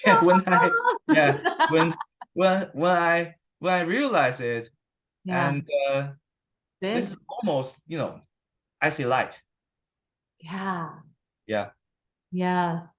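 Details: Adult man with stuttering, 7-8 weeks into stuttering therapy that has not used physical strategies or fluency control; he reports sometimes having severe stuttering in conversation; stuttering.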